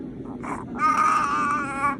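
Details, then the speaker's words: An infant who survived cardiac arrest at 11 days old, with a Glasgow Coma Scale score of 3, makes a brief fuss, then a sustained high-pitched cry. He made no sound until a month after the arrest. Finding: infant cry. "And he didn't cry or make a sound until a month after the cardiac arrest."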